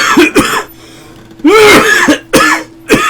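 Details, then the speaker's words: Adult aged about 54 with fever of 102.4°F, holding hand against head while coughing: four forceful, harsh coughs in two quick pairs with brief pauses; cough. "I hold my hand against my head while coughing like that because I have a tendency to to snap my head forward when I cough and that's not good"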